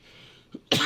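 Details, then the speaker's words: Adult man says he still has a lingering COVID cough: a brief faint throat sound, then one sharp, loud cough burst. "excuse me. I still got this COVID cough, Wuhan flu cough."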